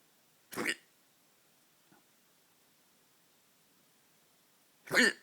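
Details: Late-night hiccups in a quiet room: two abrupt, brief gulping sounds about four seconds apart.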